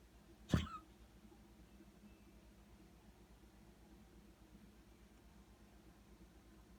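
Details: A single short, harsh cough from Snoopy, a pet, followed by quiet room hum.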